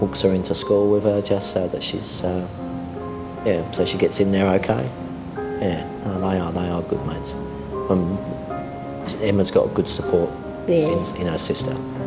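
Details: Adult speaker; ordinary speech.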